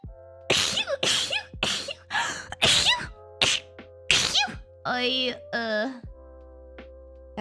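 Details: Sneeze compilation: a rapid series of forceful sneezes edited together over background music.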